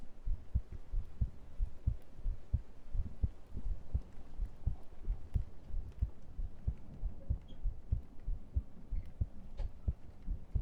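Steady low thumping heartbeat, about 90 beats a minute, picked up by a close microphone; an ordinary heartbeat.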